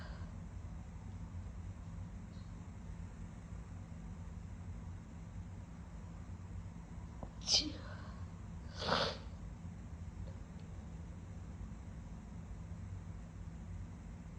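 Two quiet sneezes, the second wetter and breathier, over a low steady room hum; sniffly, wet sneezing.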